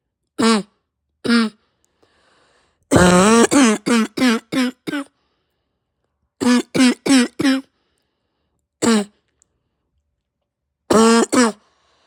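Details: Adult's own barking cough after waking with a pounding head, raw sore throat, heavy chest and stuffed nose: bursts of harsh, barking, hacking coughs in quick runs, about 17 coughs, hard enough to nearly vomit.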